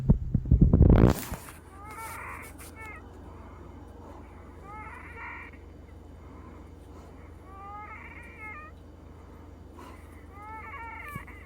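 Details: Recurrent high-pitched musical wheezing with each breath in a woman with Down syndrome, about 6:05 PM, starting only 4 hours after an arformoterol and Pulmicort 0.5 mg breathing treatment under a new reduced treatment plan.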